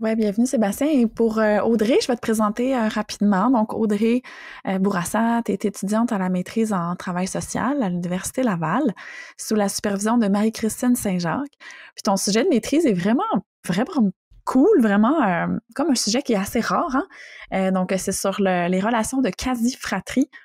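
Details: Adult woman speaking French; Normal fluent speech.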